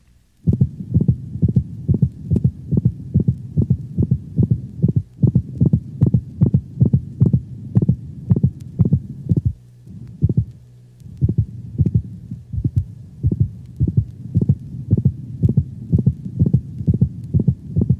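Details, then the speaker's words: Dog: regular heartbeat near 130 a minute with a brief, high-frequency systolic click on some beats. "the systolic click is a high frequency sound commonly heard over the mitral valve region it is not heard with every beat if it moves close to and then away from the first sound"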